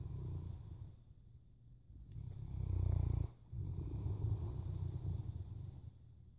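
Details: Sleeping Boerboel dog: low, rumbling, fluttering breath sounds in repeated bursts with a brief gap; snoring.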